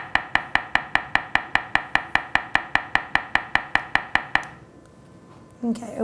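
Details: Acoustic pharyngometer in male screened for sleep apnea (snoring, daytime tiredness), nose pinched, breathing normally through mouthpiece: rapid very regular clicking pulses about 150 a minute for four seconds, then quiet.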